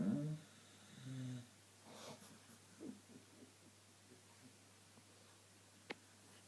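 Two low, rough snoring breaths from a sleeping dog, then quiet room noise and a faint click.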